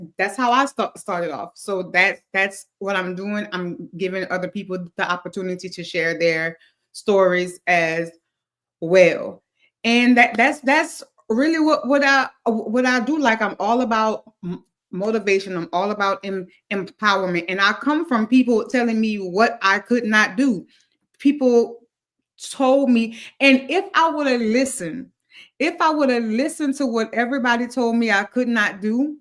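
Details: Adult male speaker who stutters, booked as a public speaker; he says most listeners barely notice it; stuttering.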